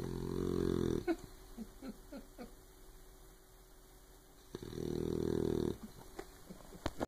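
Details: Sleeping puppy snoring: two long buzzing snores separated by soft snuffles and small clicks.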